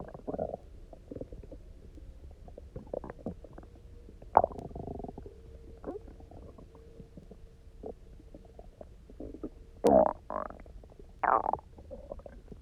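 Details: Loud, resonant gurgles and growls from an empty stomach after eating almost nothing for 24 hours, then drinking plenty of water and lying on one side: hunger rumbling, borborygmi.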